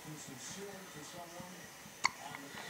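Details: 4-day-old baby girl with hiccups while held by her father: a single sharp hiccup over quiet room noise and soft voices.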